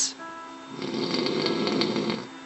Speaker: Oh, hi, Pumpkin. You're snoring. Uh-huh.